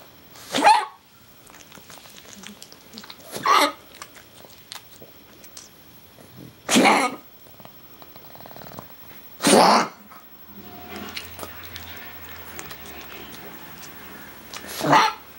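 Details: Pug having a prolonged coughing fit that the owners suspect is kennel cough. They worry whether he is breathing okay and offer water. Six harsh, dry coughing bursts about every three seconds.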